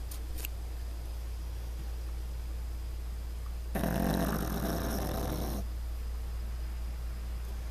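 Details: Pug sleeping on his back, heard in the morning: a single long, rattling, low snore over a steady low room hum; snoring.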